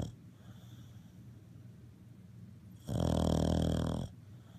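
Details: A Cavalier King Charles Spaniel snoring during a mid-morning nap: one loud, rattling snore lasting about a second against a quiet background.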